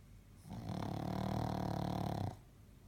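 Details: Six-month-old pug in deep sleep giving one long, deep, rattling snore lasting almost two seconds; loud vibrating snoring.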